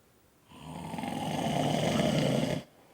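One loud, rough, rattling snore lasting about two seconds, low and buzzing in tone: typical snoring from vibration of the soft tissues of the throat.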